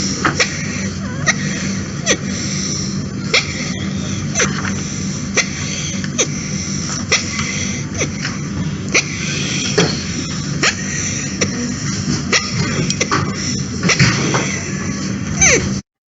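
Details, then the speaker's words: 12-year-old child with respiratory difficulty and noisy breathing: repeated sharp biphasic whistling on inspiration and expiration, unlike stridor or wheeze, from an aspirated whistle in the right main bronchus, found at rigid bronchoscopy. "unusual biphasic but it's noise it's not like Strider and not like wheezes"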